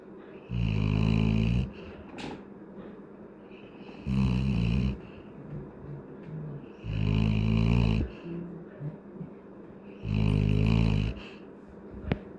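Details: Adult Labrador dog snoring while sleeping: four loud, rattling snores on inhalation, roughly 20 a minute, with quiet breathing between.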